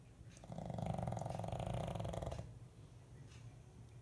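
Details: A pet snoring in sleep, said to snore like a human: one long, low, rattling snore on a breath in, then quiet breathing.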